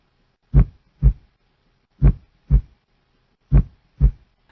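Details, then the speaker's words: Paired lub-dub heart sounds at about 40 beats a minute, below the stated 60 per minute, which is linked to dizziness and low blood pressure; bradycardia. "nah jika detak jantung lebih rendah dari 60 maka biasanya seseorang akan mengalami pusing tekanan darah rendah"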